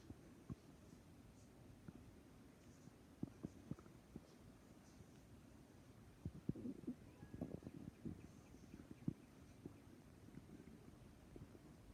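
Low gurgling and bubbling rumbles from an adult stomach, ordinary bowel sounds of gas and fluid moving.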